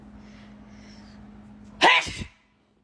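Quiet room with a low hum, then a single sudden explosive sneeze with a short trailing burst.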